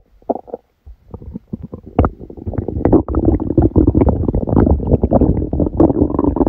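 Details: Stomachache after Christmas dinner, recorded while the person slept: loud, frequent gurgling and rumbling from the abdomen, bursts running together; active bowel sounds.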